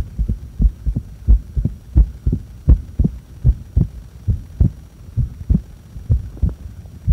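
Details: Heart sounds recorded during breath-holding after inhaling and after exhaling: clear, regular lub-dub at about 85 a minute with no breath noise between beats; normal heart sounds.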